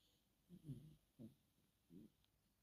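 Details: Sleeping Chihuahua giving three soft, low, short snorting snores; snoring.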